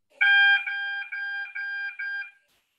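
A loud tone followed by repeated shorter beeps: an oxygen machine alarm signalling oxygen delivery outside the set limits.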